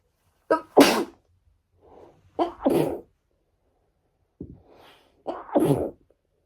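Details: Woman on the second day of a cold: three sneezes, each a quick in-breath followed by an explosive burst, with soft breaths between; repeated sneezing she can't stop.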